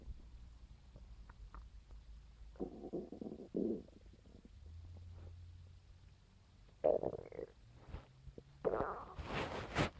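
Low rumbling gurgles and groans from the belly, irregular bursts over quiet; ordinary stomach growling.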